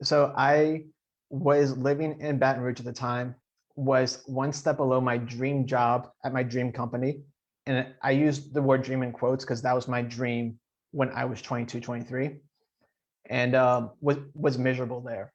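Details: Adult man who stutters; stuttering.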